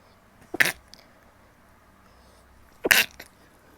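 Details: Adult woman: two sharp explosive sneezes about two seconds apart, each followed by a faint catch of breath, in a quiet room; sneezing.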